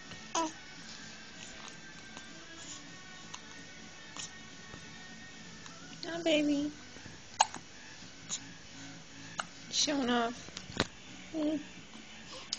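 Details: Baby hiccups: short, sharp squeaky hiccup sounds repeating irregularly, with soft music in the background.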